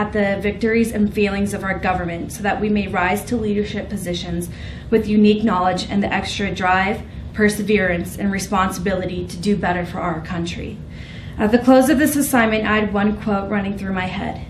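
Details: Adult woman speaking; normal voice.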